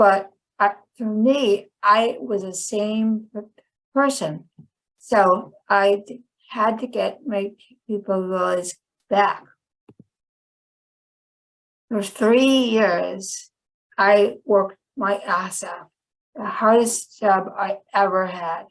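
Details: Woman with chronic non-fluent aphasia after a 2010 stroke that initially left her unable to speak; she had to relearn speech; finding: non-fluent post-stroke aphasia.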